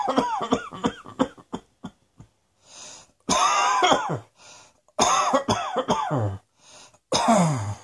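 An adult gives a quick run of short coughs, then three longer, harsh, throaty coughing bursts.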